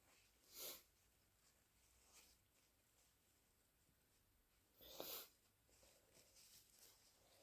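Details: Harsh wet sneezes with hissing bursts, snuffling and nose-blowing from a congested person with flu, fever, bad cough and a raw throat; the first sneeze is natural and later ones are induced.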